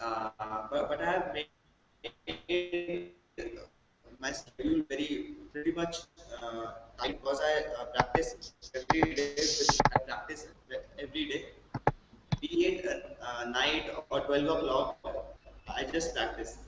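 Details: Male who stammers, with blocks that have lessened with practice; stuttering.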